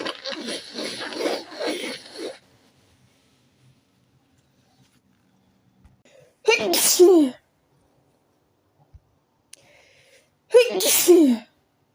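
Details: Adult gives two partly stifled sneezes a few seconds apart after breathy noise, snorting and throat clearing; nose very itchy after a few days without sneezing; stifled sneezes.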